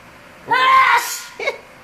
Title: Horror sneeze